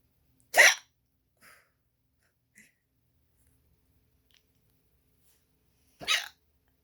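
Two sharp, brief, spasmodic sounds about five seconds apart, with faint small sounds between; hiccups.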